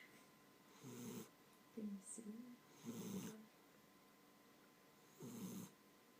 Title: Olive snoring